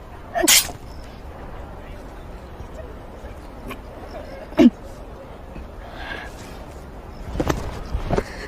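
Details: A woman whose face looks red, possibly from wearing too much, sneezes on a man: one sharp sneeze burst, then quiet room sound with a few soft noises.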